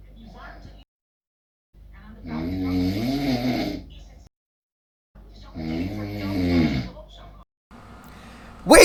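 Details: Adult man (dad) who insists he doesn't snore, napping at 16:00 in the afternoon: two loud, long, rumbling snores on the in-breath with pauses between; very loud snoring.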